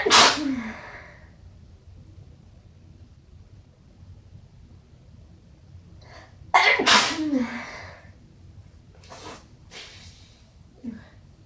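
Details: Three forceful, wet sneezes, each preceded by a quick in-breath, followed by short sniffling.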